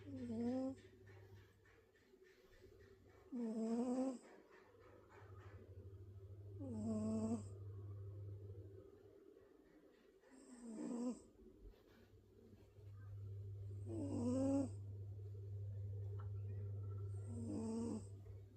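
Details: Rhythmic snoring during sleep, about 18 snores a minute, each with a slightly whistling, tonal quality over a steady low room hum.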